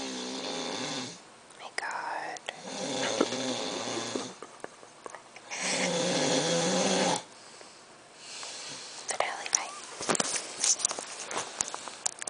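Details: Sleeping male snoring, described by the observer as unusually bad: long rasping snores on breaths in, separated by quieter breathing, with rustling and clicks in the room.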